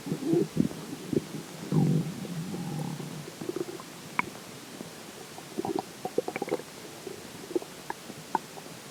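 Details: Gurgling, bubbling abdominal rumbles with scattered sharp pops and squeaks after drinking water; described as weird sounds; ordinary stomach growling (borborygmi).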